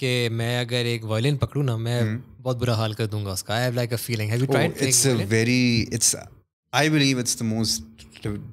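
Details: Adult male speaker; no speech disorder.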